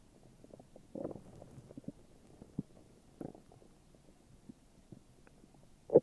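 Quiet low gurgling and bubbling with a few louder rumbles; ordinary stomach growling on an empty stomach.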